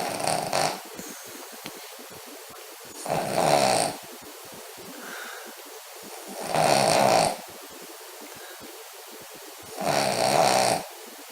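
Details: Spaniel (foster dog) snoring while asleep: four loud, raspy snores at even intervals, about 18 a minute, with quiet pauses between; snoring.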